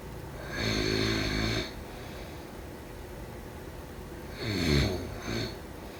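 Two loud, vibrating snores on breathing in, several seconds apart, over steady room noise; typical snoring in sleep.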